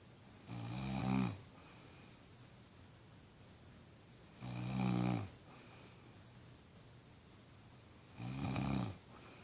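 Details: Three regular, low, rumbling snores about every 3.7 seconds, roughly 16 breaths a minute: steady snoring.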